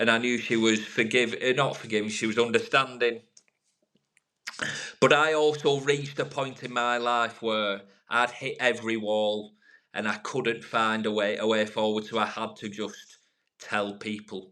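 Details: Adult man from the UK who has stammered for over 30 years; after about 3 years of work over Skype and public speaking groups, says it is no longer a big issue; stuttering.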